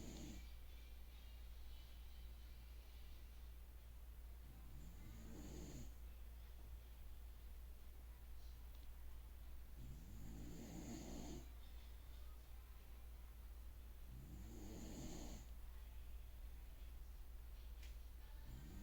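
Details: Slow, regular snoring, one rough breath about every five seconds (roughly 12 a minute), over a steady low room hum; snoring.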